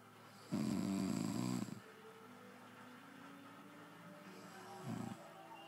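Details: Adult man snoring: one loud, harsh, fluttering snore then a shorter one, with television talk and music faintly behind.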